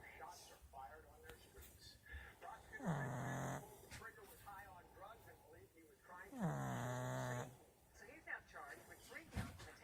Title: Snoring pug. It's a wrap.